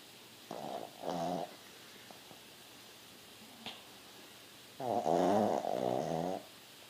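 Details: Pug, a small flat-faced dog, snoring: loud rattling bursts, two short snorts then two longer rumbling breaths.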